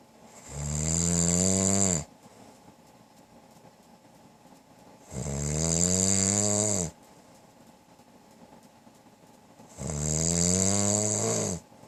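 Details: Loud rumbling snoring from a husband, about 13 per minute, each with a buzzing rasp and quiet pauses between; longstanding snoring of almost 13 years, worse than he realised.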